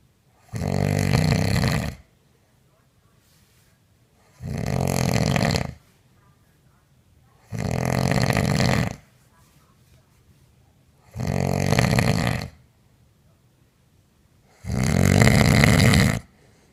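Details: A woman snoring very loudly in her sleep, recorded by her partner on a mobile phone: five loud, rattling snores, one with each breath, about 18 breaths a minute, with quiet pauses between.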